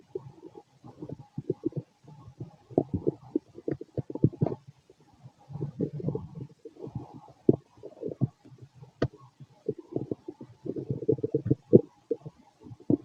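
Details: Fit male after a bowel movement: frequent gurgles and rumbles from the belly in irregular runs, ordinary bowel sounds (borborygmi).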